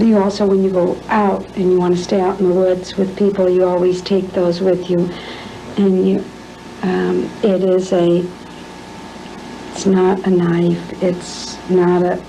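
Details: Adult woman demonstrating anomia, presented as an Alzheimer's disease symptom, unable to retrieve a tool's name; anomia (word-finding difficulty).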